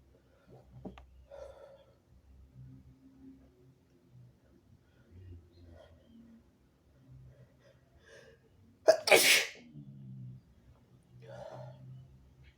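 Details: One loud, harsh, explosive sneeze amid quiet breathing, from a sick nonbinary person (he/they) who is having very harsh sneezes with some harsh coughing.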